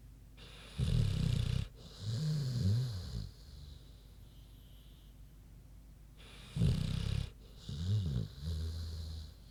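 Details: A loud rough snore, then softer wavering grunts as the breath goes out, repeated twice, from a big pig sleeping.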